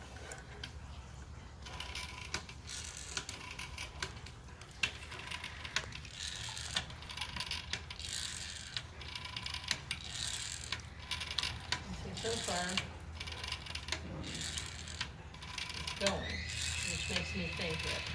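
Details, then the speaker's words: Senior Paso Fino mare with suspected mild choke: irregular mechanical clicking and rattling over a low hum as a hand pump pushes fluid through a nasogastric tube confirmed in the stomach. "yeah stomach okay that's a good well there's a real positive indicator that we got to her stomach"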